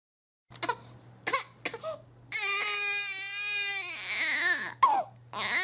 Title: Baby Cry Sound Effect